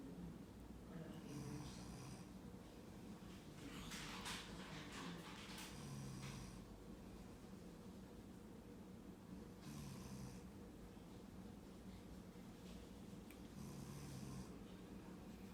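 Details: Adult man (father) snoring in a quiet room: rough, rattling breaths repeating roughly every four seconds, about 15 a minute; snoring.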